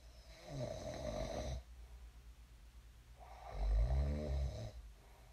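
Two deep, rumbling snores on breathing in, separated by quieter breathing; ordinary sleep snoring.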